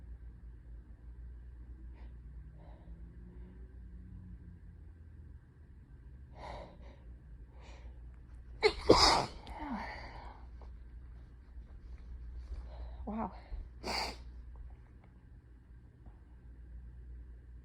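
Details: Quiet breathing and sniffling build to one loud, forceful sneeze, then a smaller sneeze seconds later, from an adult on day 1 of a cold with fever, just after blowing their nose.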